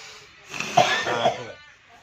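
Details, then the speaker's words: A man coughs during traditional lung-cleansing (gurah) therapy, urged to cough out what the therapist calls cigarette toxins: a forceful exhaled burst, then a harsh, slightly wet cough in a quiet room. "Batuk sekali mas. Keluar mas, keluar. Keluar racun-racun ya. Racun-racun rokok itu."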